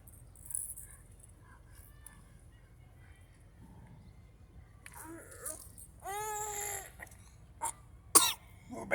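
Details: Cough.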